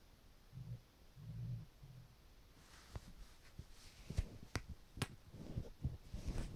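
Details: Hungry stomach rumbling (borborygmi) after drinking water: low, soft gurgles followed by scattered pops, clicks and bubbling in a quiet room.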